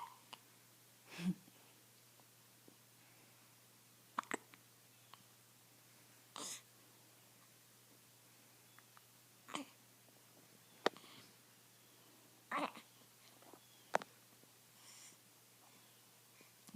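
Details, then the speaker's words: Newborn, 8 days old, with hiccups: soft, brief hiccups recurring about every two to three seconds in a quiet room. "like people are gonna think you always have hiccups. Oh dear."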